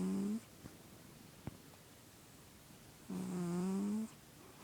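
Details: Sleeping male cat, judged healthy by a vet: two drawn-out, tonal, buzzing breaths with a quiet pause between; snoring.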